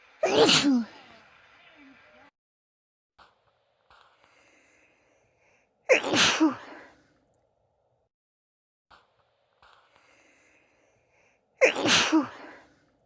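Three separate sneezes about six seconds apart, each a sharp explosive burst with a brief fading tail.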